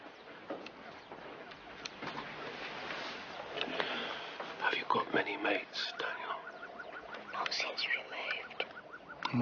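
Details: Acted drama scene: a boy speaks only in a whisper; doctors diagnose hysterical (functional) dysphonia, possibly subconscious after his mother left, a house move and a school change; whispered speech, functional dysphonia.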